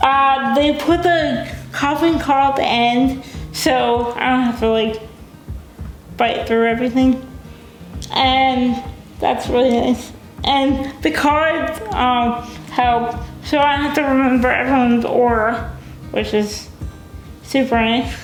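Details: Dysarthria in a young adult woman with cerebral palsy, a brain injury before birth. She uses a wheelchair, has limited fine motor skills, and says she is sometimes hard to understand.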